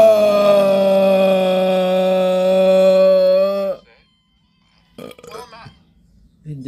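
A long, loud, steady voiced belch lasting nearly four seconds, then quiet and faint breathy sounds; a prolonged burp.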